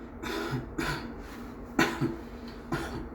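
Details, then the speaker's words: Man with grade 4 varicocele during scrotal Doppler ultrasound examination before varicocele surgery, coughing on request to strain the abdomen and show venous reflux: four short, deliberate coughs in a small room. "please see what's happening when you strain push your abdomen strain or cough like"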